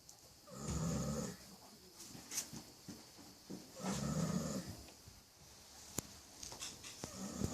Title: Baby snoring horse